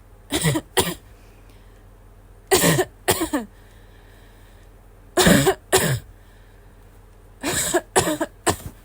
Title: Wheezy barking cough *2